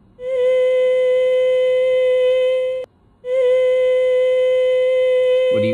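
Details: At a higher pitch (C5), a pair of swellings in the middle of the vocal folds touch, leaving anterior and posterior gaps that let air leak; breathy voice (air leak).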